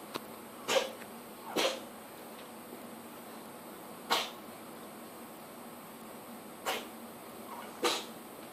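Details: An asthmatic cat in its first episodes, treated with prednisolone, with the cough returning later: five short, sharp, dry expulsive bursts spread over several seconds in a quiet room.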